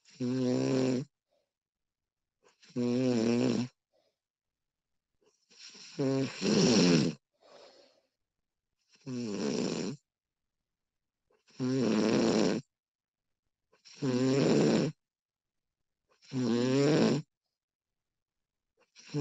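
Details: Snoring recording of a sleeping woman: loud voiced snores with silent gaps, about 24 per minute, slightly uneven timing.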